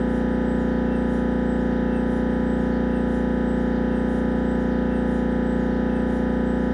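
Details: Siemens Magnetom Avanto MRI head scan: loud, steady, rapid mechanical buzzing pulses, about 160 a minute; MRI scanner noise.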